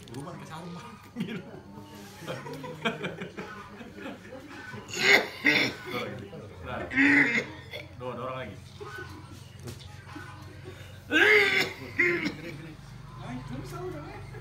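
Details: Person with a tormenting cough and shortness of breath, blamed on a food-borne palupuah poison (santet): about four harsh cough bursts between murmured speech and background noise; persistent troublesome cough.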